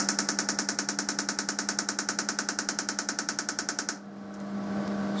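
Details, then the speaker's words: Transcranial magnetic stimulation coil at 100% machine output firing a pulse train near suspended metal objects, testing aneurysm clip movement; rapid sharp clicks for four seconds, then stop. "however let's try a train of TMS and see what happens"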